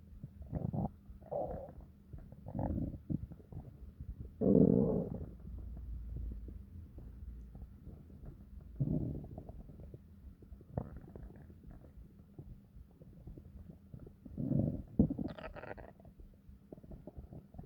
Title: Long and deep stomach growls to relax